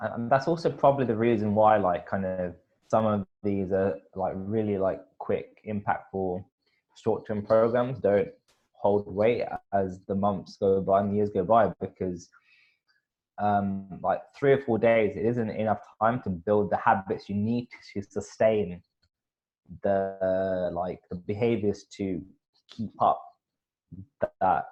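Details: Adult male speaker; stuttering.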